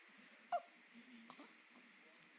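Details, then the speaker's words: Infant hiccups just after feeding, tired and awake: a single soft, abrupt squeak-like catch in a quiet room. "and here's the little guy i just got done eating and he has some hiccups"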